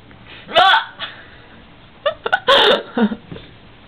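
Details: Bad hiccups in a girl (sister): several abrupt voiced gulping bursts in under four seconds, with quieter sharp catches between them.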